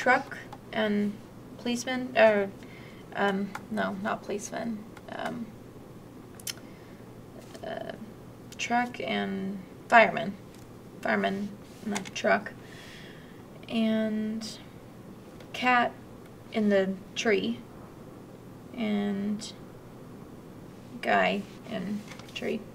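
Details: Mild Broca's aphasia, a non-fluent aphasia with halting, effortful speech, self-corrections, and impaired grammar.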